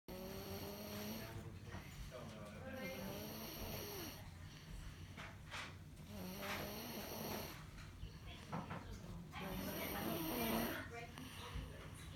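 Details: A woman snoring in her sleep: repeated buzzing, rumbling snores on each in-breath, about five in twelve seconds, over a steady background hum.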